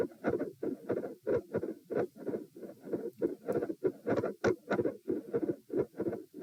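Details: Heart auscultation during a stress test at position M, with sitting, standing and lying phases at 90, 108 and 72 bpm: rapid, regular paired heart sounds near 95 a minute with a faint murmur between beats, split S2 and electrical disturbance.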